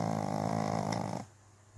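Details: Pug dog snoring: a single deep, buzzing snore on one breath, then quiet.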